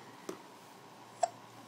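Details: Almost 10-month-old infant hiccuping: two brief, sharp, isolated clicks about a second apart in a quiet room.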